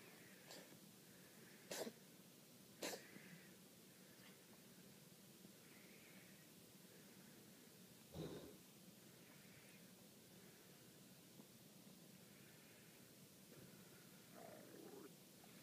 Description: Taped for our cat's vet. Possible asthma attack.